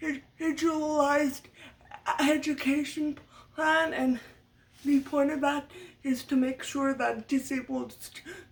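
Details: Stuttering in an adult woman, part of muscle tightness from cerebral palsy (brain damage as a baby); lifelong, speech therapy from a young age through high school, uses techniques to minimize it.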